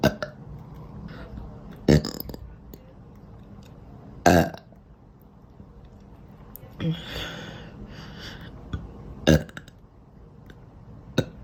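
About six loud, low, rasping belches come in quick succession over roughly eleven seconds, with quiet room noise between them. These are repeated burps.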